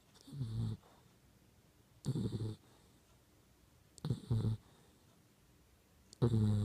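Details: Pit bull puppy snoring: short, low, rumbling snores at regular intervals, about 28 a minute, in a quiet room.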